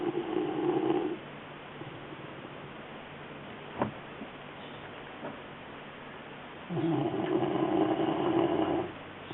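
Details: Two loud, droning snore sounds on breathing in, separated by a quiet pause of several seconds; ordinary snoring.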